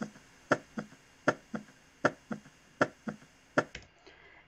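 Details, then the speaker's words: S3 gallop on cardiac auscultation teaching recording: three-beat gallop rhythm, soft extra sound just after the second heart sound ("ta ta ta"). "fíjense cómo suena justo después de lejos del ruido accesorio suena ta ta ta ta ta ta lo voy a volver a poner un momentico para que lo podamos ver a escuchar"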